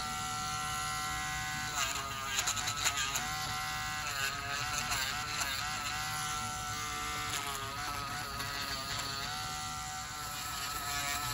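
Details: Steady high-pitched drill whine with pitch dips as the burr meets the nail: a podiatry drill reducing thickened fungal toenails of a male patient on dialysis for one year with high blood pressure; lab testing is pending.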